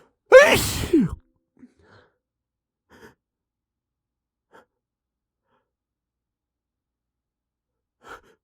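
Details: Sneeze the person failed to hold back: one loud, explosive sneeze after a quick intake, followed by faint breaths and small sounds; a sneeze.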